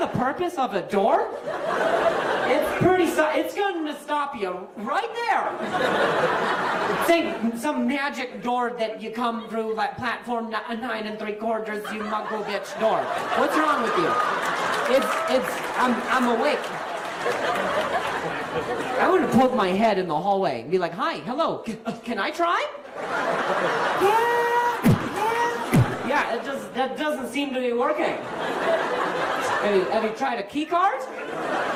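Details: Stuttering in an adult male comedian who says hearing noises in his ear while talking makes him stutter.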